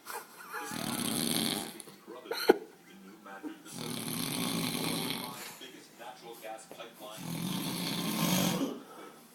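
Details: Snoring: loud, rough, fluttering snores on each breath, about three over nine seconds, with quiet pauses between.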